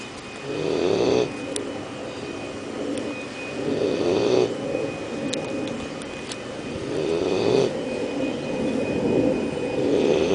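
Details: 12-week-old Leonberger puppy snoring while asleep after a morning at the park: rough, low, rattling breaths in a slow, uneven rhythm, about 19 a minute, over room noise.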